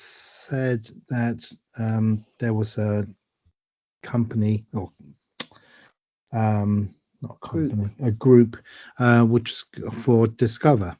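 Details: Adult woman with aphasia following a stroke eight years ago, with word-finding difficulty, repetitions and word substitutions; aphasia.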